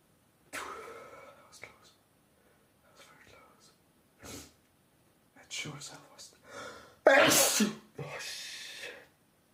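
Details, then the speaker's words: Adult male, loud sneezing: several sharp, explosive sneezes with quick inward breaths before them, then sniffing and nose-rubbing sounds between bursts. "Oh shit, I'm not gonna be able to hold it back. It's so exhausting."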